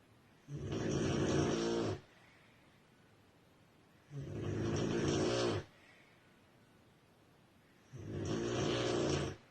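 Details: Loud, rattling snores on each breath, about 16 a minute, with quiet gaps between, from a sleeping woman described as a very heavy snorer; heavy snoring.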